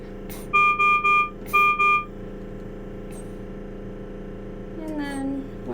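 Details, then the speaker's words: Servo-U ICU ventilator unsilenced to demonstrate its severe, high-priority (red) alarm: loud, repeating two-tone electronic alarm bursts over a steady room hum. "so here i'm just going to unsilence our ventilator so you have an idea of what it actually sounds like so this is that severe alarm"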